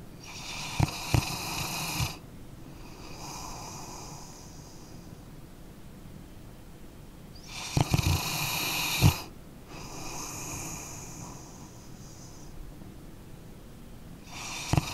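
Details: Sleeping dog snoring, recorded as an ambient sleep-sound track: rough snoring breaths with occasional snorts and soft exhales, about eight breaths a minute; normal sleep snoring.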